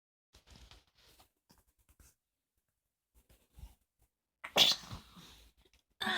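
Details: A person sneezes and smiles: soft sniffs and breaths, then one sharp, hissing sneeze.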